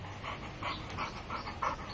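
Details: Female dog panting: rapid, rhythmic, breathy puffs, about six in two seconds.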